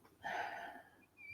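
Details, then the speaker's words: Musical, whistling tone on a single breath from an adult, heard in the chest while talking; wheeze. "Wheezing away. I know. It's wonder you can't hear my chest wheezing. Hey? Whistling. Yeah, no, it's my chest."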